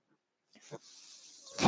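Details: Mechanical ventilator breathing sound from the speaker's own ventilator, heard during speech.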